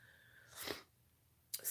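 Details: Adult sick with a cold, body aches and feeling hit by a truck, avoiding antibiotics and resting: a single sharp, explosive sneeze, then the start of another noisy burst.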